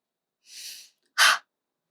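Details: Demonstrated huff (forced expiration technique) within the active cycle of breathing technique for clearing lung secretions: a soft breath followed by one sharp, forceful open-mouth exhalation.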